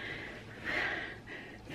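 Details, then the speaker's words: Severely disabled boy with lingering flu congestion despite nebulizer and chest physiotherapy, normal temperature and good oxygen levels: noisy, snorting congested breathing, as if needing to cough. "okay but he's just so congested hi head up a little bit more hear it it's like he just needs to really cough"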